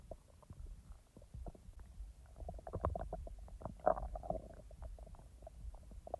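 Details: Real stomach rumbling from the speaker's own abdomen, not recorded in real time because the stomach was barely active: soft gurgles, bubbling pops and low rumbles, ordinary active bowel sounds (borborygmi).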